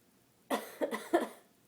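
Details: Person with a bad cold gives three short, moist coughs in quick succession in a quiet room; cough.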